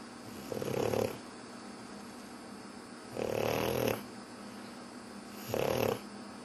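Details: Pug dog snoring while appearing to sleep: three rough, rattling inspiratory snores about every two and a half seconds (around 25 breaths a minute) with quiet room noise between.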